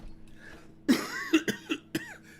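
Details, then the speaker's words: Run of four or five short, sharp coughs with voiced throat sounds, repeated coughing; the speaker says the cough and throat are really bothering them today and first blamed smoke, then suspected a cold. "no my my coughing and my throat it's really really bothering me today"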